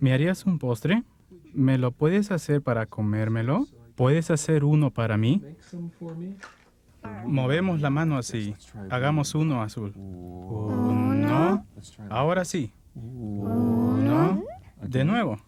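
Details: Adult speaking Spanish; fluent adult speech.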